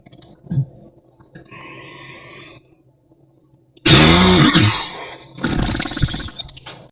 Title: this tripod has a deep cough